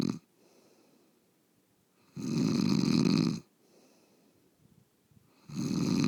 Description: Long loud snoring from my bed mate, this is the reason I can't sleep.